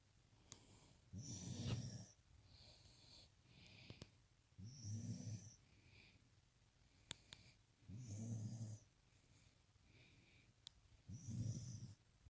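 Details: Puppy sleeping upside down after a long day, snoring in soft, rumbling breaths about 19 a minute, with a fainter whistle on the exhale between snores.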